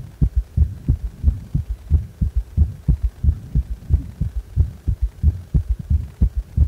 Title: ３音強めな心臓音